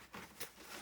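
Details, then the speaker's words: Single tiny, sharp sneeze from a pet rat against soft rustling; several rats in the group sneezing, suspected upper respiratory infection, Baytril treatment planned. "But as you can hear, Ray and Trouble are sneezing quite a bit, and they're all sneezing a little bit."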